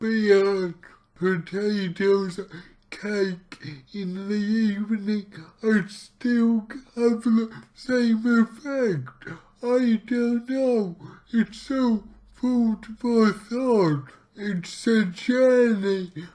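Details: Man with cerebral palsy, about two weeks into trying a keto diet to see whether it affects his CP; real speech, heavily distorted; dysarthric speech (cerebral palsy).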